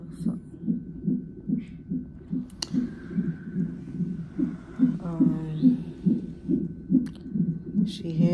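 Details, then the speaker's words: Fetal heartbeat on a labor-and-delivery triage monitor at 34 weeks' pregnancy, mother with sharp pain and pressure; rapid, regular whooshing pulses about 143 a minute with faint steady hum, described as very good and strong. "look at hear the heartbeat they got me on the [Music] monitor this is what they got me on"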